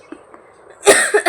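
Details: Adult woman feeling unwell, who later needed hospital treatment with saline and an injection, gives a short run of two or three harsh, unproductive coughs with no wet rattle: a dry cough.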